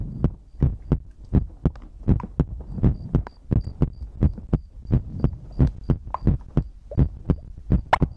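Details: ASMR heartbeat-and-breathing compilation recording: crisp paired heartbeat thumps, about 83 a minute, with a faint high tick in the background; normal heartbeat.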